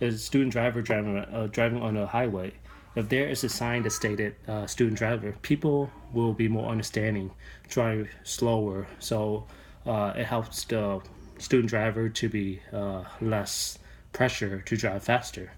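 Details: Adult man, a registered nurse, who has stuttered since he was little; real speech; finding: stuttering.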